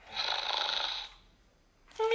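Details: Snoring sound from a plush toy dog, not a real animal: one long, breathy, hissing breath lasting about a second, then a brief voiced sound.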